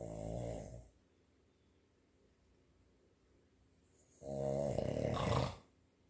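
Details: Loud, deep, rattling snores on the in-breath with long quiet pauses between them: ordinary snoring.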